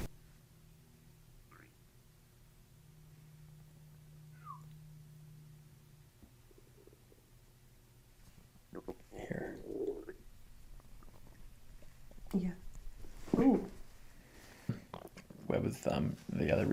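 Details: Quiet room hum, then bursts of low bubbling, gurgling gut sounds during chiropractic abdominal treatment with belly breathing; ordinary bowel sounds (borborygmi).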